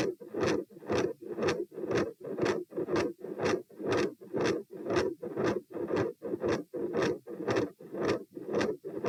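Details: Heart auscultation stress test at position P, rates 90-102-132-78 bpm while lying, sitting, standing, then lying, in hot weather: beats about 118/min, harsh scratchy mid-systolic murmur, very loud S2.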